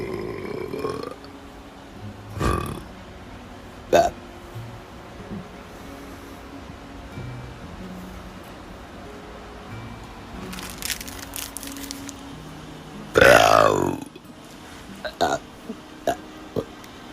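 A few short bursts and one louder, longer belch-like sound over background music, fitting burping.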